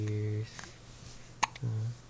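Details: Baby girl with hiccups, still in a good mood and smiling: a single sharp, abrupt infant hiccup between stretches of steady low background hum.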